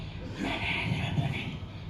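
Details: Doctor imitating how patients with vocal cord paralysis sound, not a real patient: weak breathy voice (vocal cord paralysis, imitated).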